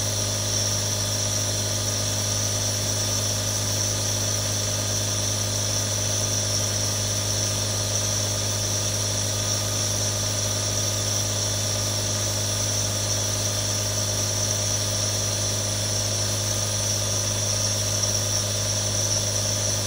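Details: Three real nebulizers running for relaxation: a steady, unbroken motorized hum with a low buzzing drone and airy hiss at an even level throughout, the sound of a compressor nebulizer running.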